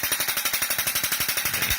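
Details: Ballistic shockwave therapy handpiece on the sole of the foot, over a plantar fascia shown to be thickened and inflamed on ultrasound (plantar fasciitis): rapid, even clicking pulses, about 12 per second.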